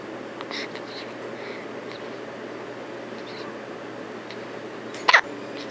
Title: Hiccups!